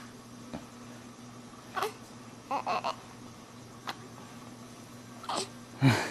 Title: Hiccup/打殪